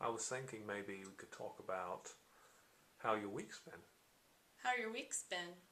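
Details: Adult conversation, interviewer and client; echolalia.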